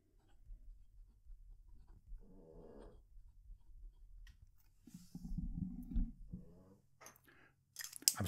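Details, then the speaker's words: Sleeping Cavalier King Charles Spaniel: soft, fluttery snores with pen scratching on paper and low room hum; snoring. "sorry if you can hear some background snoring. I've got a live studio audience today, also known as Kira the Cavalier King Charles Spaniel, and she's decided that she's going to snore today."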